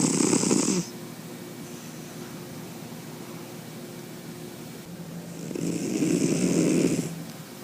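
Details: White cat snoring in sleep, audio-only recording; loud, rough, human-sized snoring with a quiet gap between two long breaths.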